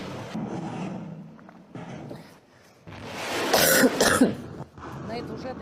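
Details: A news presenter coughs while reading the news during a live broadcast, interrupting her speech.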